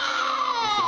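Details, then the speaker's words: Newborn girl cries again about 7.5 minutes later, once the nurse has finished cleaning her. It is a brief, high, strong, normal newborn cry, and she stops when her father speaks. "The nurse is done cleaning her up, and she starts to cry again. I speak up, and she stops crying again."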